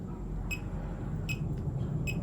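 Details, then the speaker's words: Fingertip pulse oximeter beeping with each pulse while heart rate is compared against a smartwatch: short regular beeps about 80 a minute over quiet room noise; readings around 79–86 bpm. "Then we'll start checking our heart rate also with our fingertip pulse oximeter. Let's see if we do have a close results."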